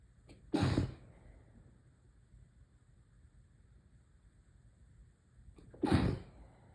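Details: Sneezing with a congested cold: two sharp, forceful sneezes about five seconds apart in a quiet room.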